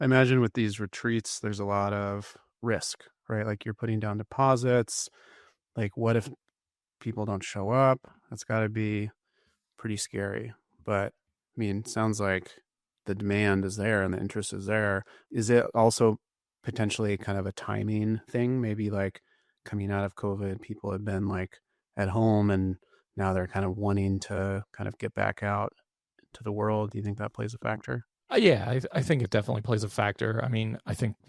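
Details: Adult male speaker in conversation; normal voice.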